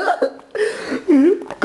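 Short, abrupt voiced gulping sounds repeated over a second and a half, consistent with hiccups.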